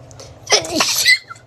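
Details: Girl having a COVID-19 nasal swab test sneezes: one loud, abrupt, voiced, hissing sneeze set off by the nasal swab.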